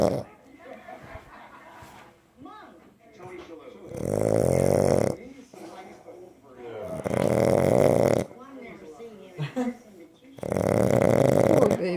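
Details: Three loud, buzzing, rattling snores, each about a second, with softer snuffling breaths between, from a male pug asleep in his owner's lap: loud snoring.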